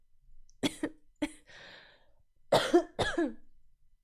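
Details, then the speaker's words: 24-year-old who coughs a lot and cannot sing after attending a concert: several short, sharp, dry-sounding coughs in two clusters with a breathy pause, some throat clearing. "i can't sing because i cough that's why i shouldn't have been to the concert yesterday"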